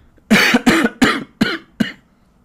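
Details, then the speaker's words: An adult man with a cold and a hoarse, broken voice coughs: a run of five quick, harsh coughs in a row, each fading. "désolé pour ma voix cassée je suis je suis enrumé je suis enrumé je tousse"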